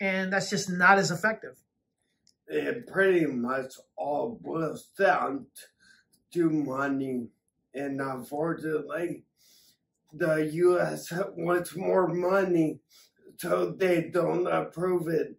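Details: Adult man with acquired ataxia from several strokes damaging the cerebellum, affecting coordination, balance and speech; ataxic dysarthria.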